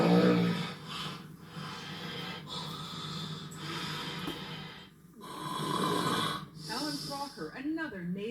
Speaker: he snores